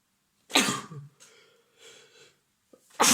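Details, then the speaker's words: Adult man with a cold: a strong triple sneeze, loud and forceful with softer breathy sounds between bursts, in a quiet room while a vacuum cleaner runs. "I turned away from him, just minding my own business, which was vacuum cleaning, and he was probably just standing there at that moment when he sneezed a strong triple."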